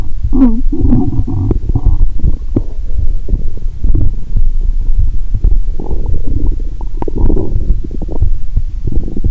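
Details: Stethoscope on the upper abdomen after drinking cola with Mentos, belly painful: continuous loud gurgling, bubbling and rumbling, active bowel sounds (borborygmi).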